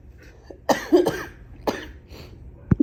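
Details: Sneezes from a person who has felt unwell since being sick about two months earlier and tested negative for COVID: two or three abrupt, explosive bursts, each preceded by a short intake.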